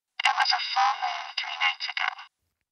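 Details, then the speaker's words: Spoken sentence "it was a full moon three nights ago" processed to sound thin, buzzy and robotic: simulation of speech as heard by a patient through a cochlear implant, played after the unprocessed input. "we then turn to speech here's what speech sounds like through the implant again first the input to the implant and then it's match it was a full moon three nights ago"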